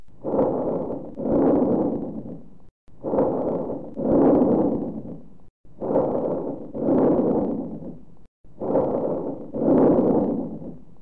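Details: Bronchovesicular breath sounds: four regular breath cycles with rustling inspiration and expiration of similar length.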